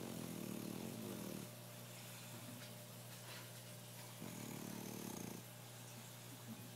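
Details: Snoring in a napping Bulldog: low rattling, fluttering breath sounds in two bursts over a steady background hum.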